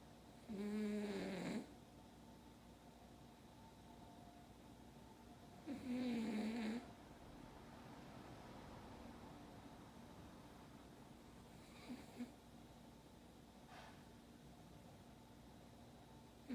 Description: いびきだけの映像です（笑）